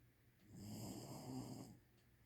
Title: snoring...